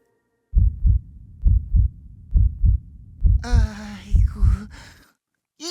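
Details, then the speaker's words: Regular paired low thumps at about 67 beats a minute, presented as a healthy heartbeat in a children's program about sounds the body makes. "소리는 건강한 심장 소리죠"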